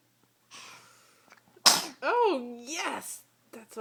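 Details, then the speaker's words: A soft intake of breath, then one sharp explosive sneeze and a brief voiced call-out; one of about three good sneezes in a row from a boy. "you know he just had like three good sneezes did you hear him"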